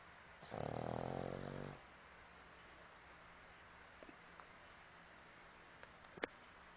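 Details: Single low, rumbling snore lasting over a second, then quiet room noise with a few faint clicks: an ordinary snore.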